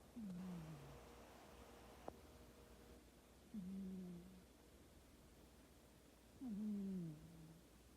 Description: My cat's snores are a symphony of cuteness 💕💕